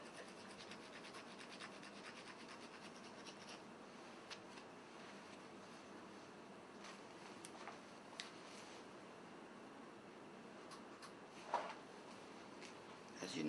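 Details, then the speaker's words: Surgical rasp manually filing down the bony bunion bump on a patient's foot, producing steady dry scraping and rasping strokes for a couple of minutes as white bone paste emerges until the protrusion is eliminated; surgical bone rasping. "this will go on for a couple of minutes until the bony protrusion is completely eliminated"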